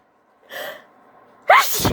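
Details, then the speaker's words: A simulated roleplay in which a female speaker, denying a cat allergy, gives a brief inward gasp followed by a sharp, forceful acted sneeze; sneeze. "excuse easy no i'm okay i'm okay my nose isn't tickled at all it's fine okay i'm not gonna see it maybe i am allergic"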